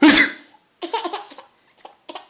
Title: Laughing at sneezing